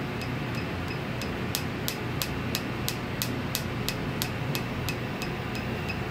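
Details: Rapid, regular, sharp ticking pulses, about three per second, over room hum: a holmium laser breaking a hard dummy stone in a lithotripsy demonstration.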